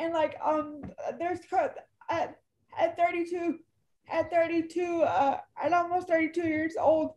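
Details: Adult woman, almost 32, with cerebral palsy who says talking is hard for her: dysarthria.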